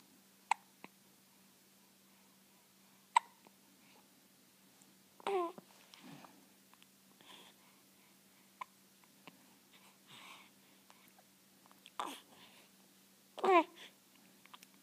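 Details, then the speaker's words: 1-week-old infant with hiccups: repeated sharp hiccup clicks and short voiced gulps with some babbling in a quiet room. "scared the hiccups out of you. Oh no, it didn't."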